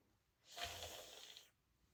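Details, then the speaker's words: Simulated tracheostomy-care skills exam: a new suction catheter tip dipped in saline to test it, giving a one-second hissing, slurping rush that shows working suction. "To test it out, I will expose the tip of the catheter a few inches, dip it into here, and see if it suctions."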